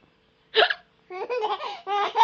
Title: baby laughing (mommy hiccup)